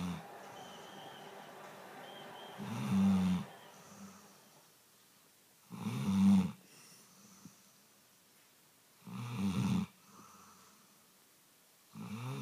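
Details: Labrador snoring: low, rattling snores on each breath in, about 19 a minute, separated by quiet pauses.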